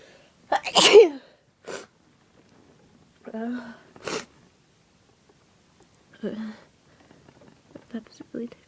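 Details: Pepper-induced sneezing after deliberately sniffing pepper, nose burning and tickling: a loud explosive sneeze, then shorter vocal bursts and gasps as more sneezes build.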